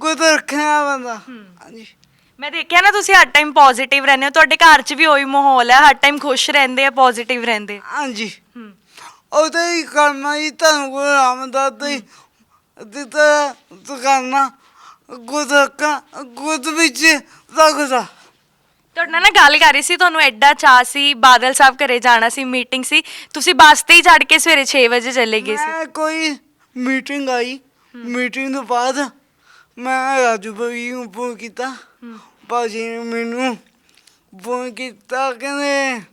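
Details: Young Sikh man with a disabled hand and a speech problem since birth; his mother cannot speak or hear; speech impairment with stammering and unclear articulation.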